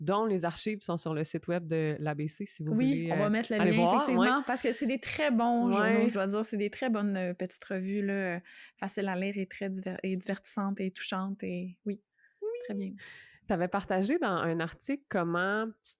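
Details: Adult woman, conversational French; typical speech.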